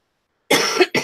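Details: Two harsh, forceful coughs in quick succession, the first longer, from an adult with a cold and a runny nose, on the first day in nine days of illness that she feels better.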